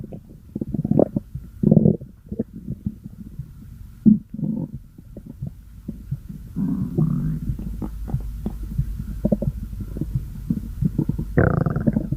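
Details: Stomach growling (borborygmi): low gurgling rumbles and bubbling pops over twelve seconds.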